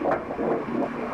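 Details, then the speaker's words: Fetal heartbeat of a baby boy on high-resolution prenatal ultrasound Doppler: rapid, rhythmic whooshing pulses; the baby was reported healthy. "over the other side we're going to hear the baby's heart beating here we go welcome to earth huh"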